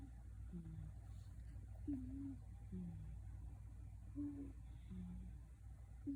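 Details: Sleeping fat cat snoring: very quiet, soft whistling tones alternating higher and lower with each breath over a low steady room hum.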